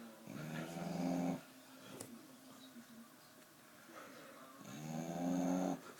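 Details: Female Staffordshire bull terrier (Staffie) asleep, snoring heavily and at length: snoring.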